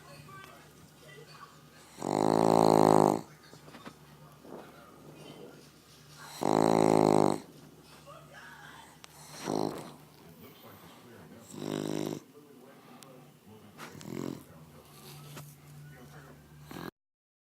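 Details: A large Boston Terrier dog sleeping: loud, vibrating snores on long breaths every few seconds, fading to softer snorts, with a faint room hum; snoring.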